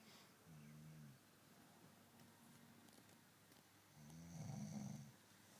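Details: Gentle snoring during sleep: two soft, low buzzing breaths a few seconds apart in a quiet room.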